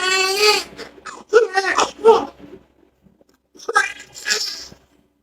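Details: A newborn baby girl just after a normal vaginal delivery gives a loud, high-pitched cry in short bursts, a vigorous normal first cry, with staff voices in the room.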